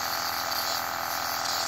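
Steady hissing, bubbling mechanical hum of a nebulizer compressor running.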